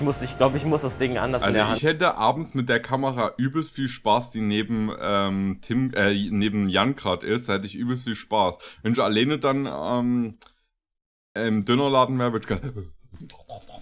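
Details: Adult male speaker; typical speech.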